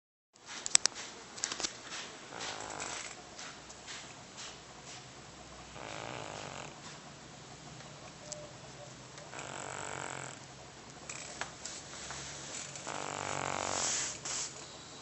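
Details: Large sleeping cat, about 30 lbs, that snores as loud as a human: loud, rough, rasping snores about every four seconds, roughly 15 a minute, over faint room hum.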